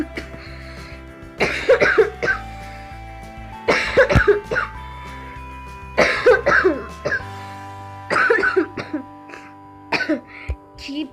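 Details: Child sick with a cough: about five bouts of repeated coughing, several with two or three coughs each, over steady background music.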